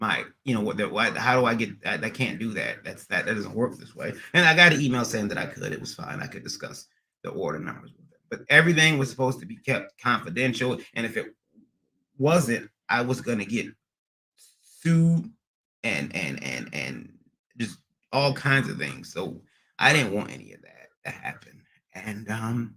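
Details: Adult man with a recent transient ischaemic attack, MRI showing some damage, seeing a neurologist and receiving physical, occupational and speech therapy; speech not fully recovered and he stutters occasionally; acquired (neurogenic) stuttering.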